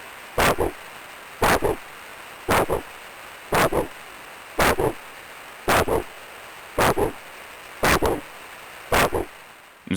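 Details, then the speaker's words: Regular pulsing whooshes about 56 a minute from a handheld 8 MHz Doppler on a foot artery: biphasic arterial signal, forward flow then reverse flow, loss of arterial elasticity; normal but possibly mild vascular obstruction. "avons donc entendu deux sons. Le premier son correspond au flou vasculaire vers la sonde alors que le deuxième son correspond au flou vasculaire à rebour."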